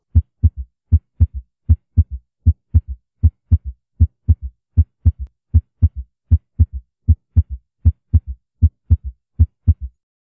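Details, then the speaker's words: Heart recording: regular heartbeat near 78 a minute with a soft, low extra thud just after the second sound in the rapid ventricular filling phase of diastole: S3 gallop. "the third wave is for s3 now with this VM foam in your mind listen s3 gallop"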